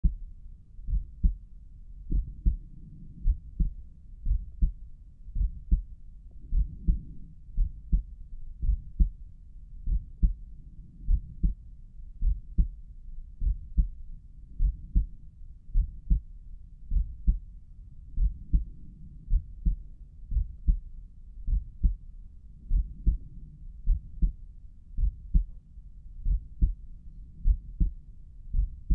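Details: Own heartbeat at Erb's point while heart pounding and carotids visibly pulsing: steady, strong low thumps, roughly 55 beats a minute, soft rumbling between beats.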